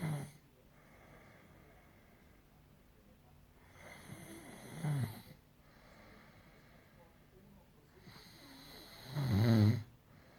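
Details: Snoring: three low, rattling snores on inhalation, roughly every four to five seconds, with quiet pauses between; ordinary snoring.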